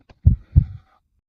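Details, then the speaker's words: Soft, deep double thump with a faint hum after it, presented as a heartbeat heard in the womb before birth in a science documentary; fetal heartbeat. "For many parents, this is the first moment life becomes real. Not because they can see their child, but because they can hear a rhythm that refuses to stop."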